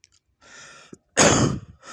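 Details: A single loud, harsh explosive cough after a soft breath, from an online motorcycle-taxi (ojek) driver coughing repeatedly.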